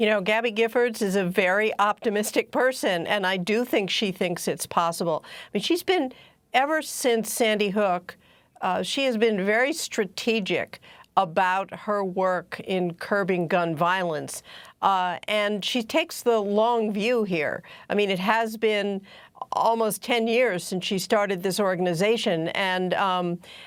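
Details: Adult woman speaking; normal speech.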